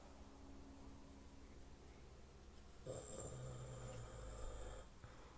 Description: I was walking to my room when I heard my grandfather snoring!!!!!!!!